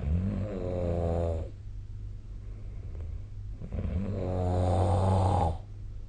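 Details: Snoring during sleep: two long, loud, rattling inspiratory snores separated by a quiet pause; ordinary snoring.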